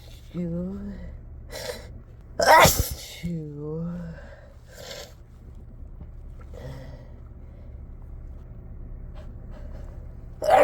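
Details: Several loud, harsh, deliberately induced adult sneezes in a car, some preceded by a rising voiced 'ah' intake, over the low steady hum of the small enclosed space.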